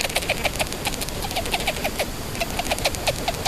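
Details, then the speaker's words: Rapid, repeated faint chirping clicks from a pet rat's breathing, a respiratory infection the owner is treating: abnormal respiratory sounds. "Yeah, you see, if you can hear that, that's kind of an respiratory infection me and Techno are trying to fight together."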